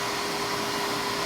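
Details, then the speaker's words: Aerolase 1064 nm microsecond laser running during a facial treatment for melasma (hormonal pigmentation) in a dark-skinned patient: a steady, loud rushing hiss with a faint high tone, like a fan or blower. Aesthetic laser operating sound. "one of the treatments that we do as a combination is something fairly as we're doing right now this is a 1064 micro second laser"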